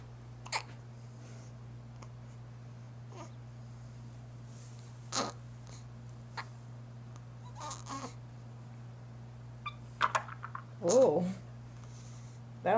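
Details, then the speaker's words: Baby with hiccups: brief, abrupt catching sounds recurring irregularly over a steady hum, one sounding wet, with a louder fuss near the end; infant hiccups. "It's a big hiccup from a little baby."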